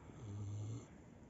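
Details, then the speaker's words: Aberdeen Angus cow snoring while asleep lying on her bedding, as she always does when sleeping: one low, rumbling snore about half a second long, with faint background room noise. "слышали как храпит корова вот ночку у нас всегда храпит когда дрыхнет"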